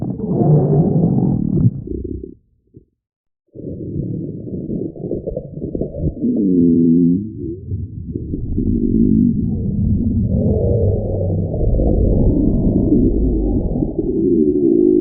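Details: Low, muffled gurgling and drawn-out moaning rumbles from the belly: ordinary stomach growling, or borborygmi.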